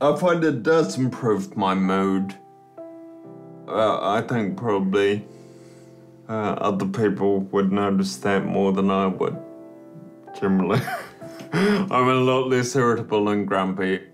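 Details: Man turning 30 with Friedreich's ataxia, a genetically inherited, progressive neuromuscular condition affecting coordination, balance and speech; ataxic dysarthria.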